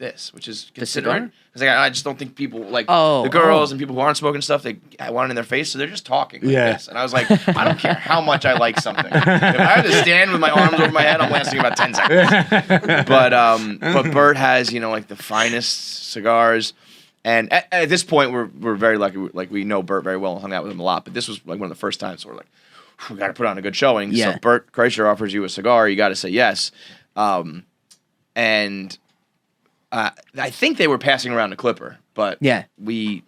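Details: Adult man who developed a stutter at age 20 after a softball to the throat and hitting his head, with a major concussion and a minor vocal contusion, later found by a neurologist to be neurogenic; neurogenic stuttering.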